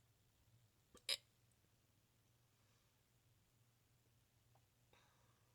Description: made a video of me having hiccups with neck view